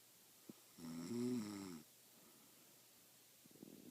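A single loud, vibrating snore lasting about a second, then quiet breathing in a still room.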